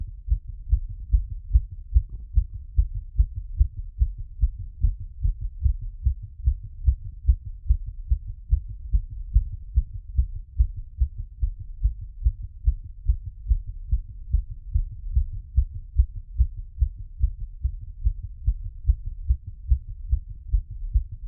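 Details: Heartbeat through a stethoscope after a workout plus squats: fast, steady, strong beats, normal quickened rhythm; heart sounds after exercise.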